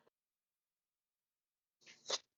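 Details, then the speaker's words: A single adult sneeze, possibly from allergies, in a person who sneezes in long runs: a brief indrawn breath, then a sharp, explosive burst after a near-silent pause. "Yeah, so unlike some people who just sneeze like 5 times in a row and they're good, I sneeze for 5 minutes in a row."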